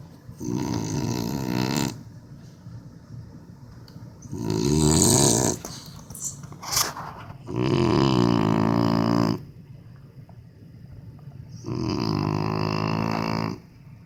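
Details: Dog Jesse snoring while breathing: loud, rattling, buzzy snores on both inhalation and exhalation, about every 3–4 seconds, roughly 16 breaths a minute.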